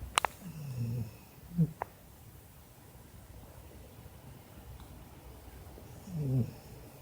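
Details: English springer spaniel sound asleep: two soft, low rumbling snores a few seconds apart with quiet room noise between; snoring.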